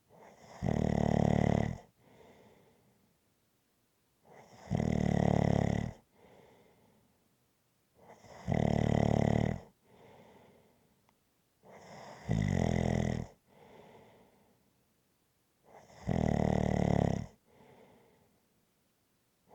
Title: Rhythmic Snoring Sounds ZZzzz